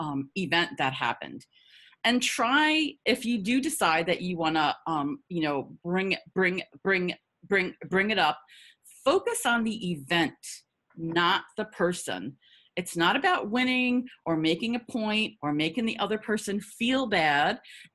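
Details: Adult woman, a person who stutters; part-word and word repetitions; stuttering.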